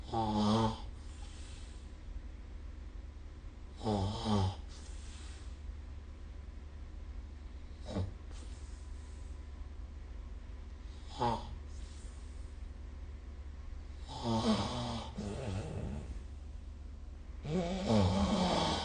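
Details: Snoring during sleep recorded with the SnoreLab smartphone app: rough snoring breaths repeating every three to four seconds, roughly 17 a minute, over a steady low room hum.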